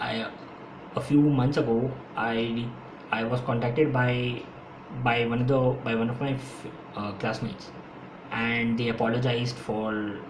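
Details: Adult man who has stammered since school and says he stammers more when speaking faster; his own speech, with repetitions: stuttering.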